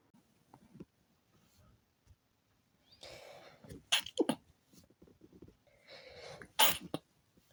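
Quick inhalations followed by several sharp sneezes in close succession; a sneezing fit from a tickly nose.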